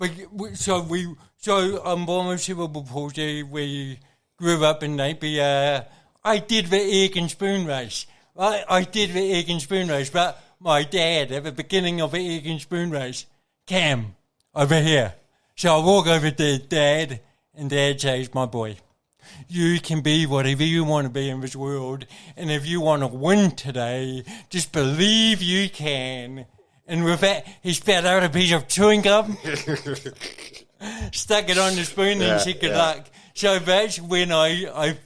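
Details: Adult man with cerebral palsy present from birth, a brain injury from oxygen loss to the brain during birth; he reports his thinking is intact and mentions having had speech therapy; dysarthria (cerebral palsy).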